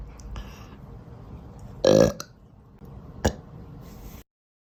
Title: Out of control burps